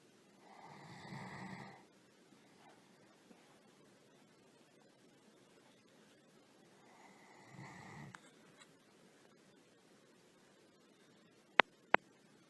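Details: Sleeping German Shepherd: two soft, buzzing snores several seconds apart, then two sharp clicks near the end; snoring.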